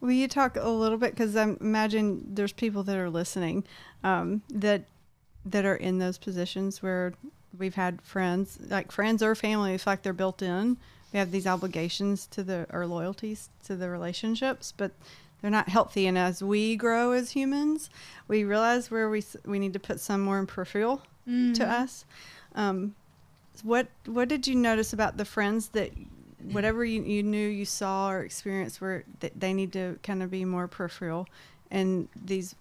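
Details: Adult woman speaking; typical speech.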